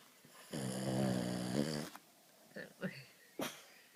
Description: Cute, sleeping frenchy snoring very loudly.